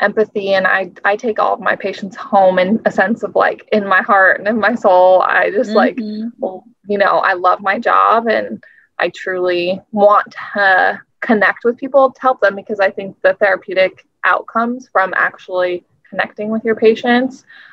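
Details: Adult woman speaking; no speech disorder.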